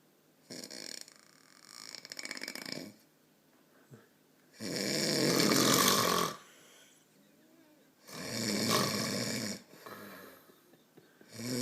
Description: This man denies that he snores